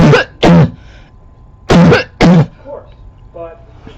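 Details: Barking cough recorded close up in 2014: four short, harsh, voiced coughs in two pairs with a low, hoarse, bark-like tone.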